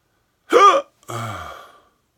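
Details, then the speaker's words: Person who thinks they ate too fast; a sharp voiced gulp, then a longer strained vocal sound fading away; hiccups. "I think I ate too fast. Uh, well, that didn't work. Got the weirdest hiccups ever."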